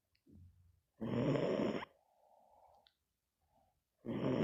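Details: Teddy and Yo Yo sleeping: loud, harsh snorting breaths with softer whistling exhales between them; snoring.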